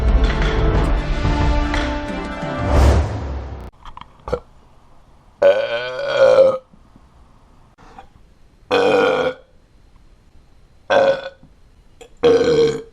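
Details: Adult man repeatedly burping: a run of four or five loud, drawn-out, croaking belches after music at the start.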